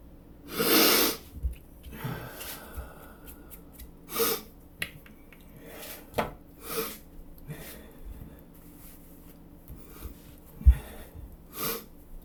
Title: Chhinkni Sneezes